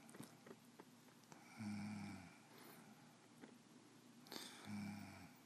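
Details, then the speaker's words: Snoring from a sleeping female nicknamed "the cougar": two low, rumbling snores about three seconds apart, with scattered clicks and rustling; the snores are louder in real life and may last 15 minutes to hours. "there is no telling when the snoring will end might last for 15 minutes might last for hours"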